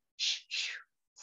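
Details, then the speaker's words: Vocal imitation of a biphasic Doppler arterial waveform: two quick breathy whooshes, push then release, the two-tone pattern heard as arteries lose elasticity with age. "as you get older you lose that elastic aspect of your artery so therefore you get a biphasic toe two tones"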